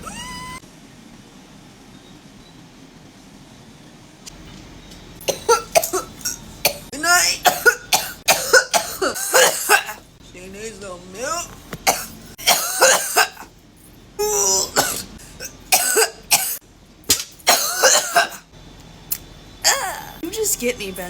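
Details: Adult, after a vape hit, falls quiet for a few seconds, then breaks into a long fit of harsh, repeated coughing.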